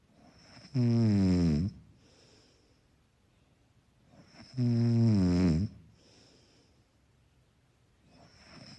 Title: Snoring == Soft and Mellow, Background sound for effortless sleeping.